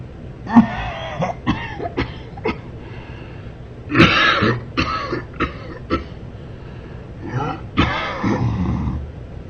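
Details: Man coughing during sleep: scattered harsh coughs and throat-clearing sounds over room noise; repeated coughing during sleep.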